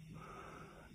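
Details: Adult man hospitalised with coronavirus, speaking from his hospital bed: strained, noisy breath with faint whistling between spoken phrases; laboured breathing.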